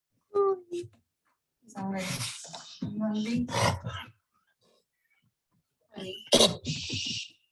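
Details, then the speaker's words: Labrador Retriever with confirmed laryngeal paralysis: harsh, pitched, noisy, roaring inspiratory stridor. "So you can hear sort of the roaring sound that Charlie's mom described."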